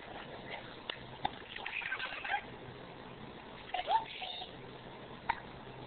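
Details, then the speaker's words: Cat hiccupping after playing with her toy: several brief, sharp hiccups at uneven intervals in a quiet room. "a Molly's got the hiccups gotta go bye"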